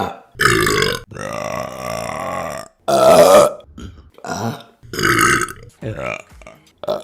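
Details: Burping compilation: a series of loud, drawn-out, voiced belches in a small room, some long and rumbling, separated by short pauses.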